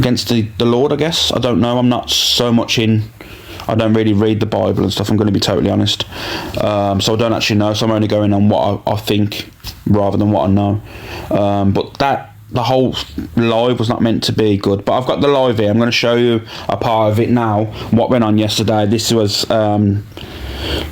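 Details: Adult male speaker; ordinary speech.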